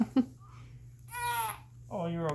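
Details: 15-day-old newborn with hiccups: two brief hiccup catches, then short fussy cries and whimpers.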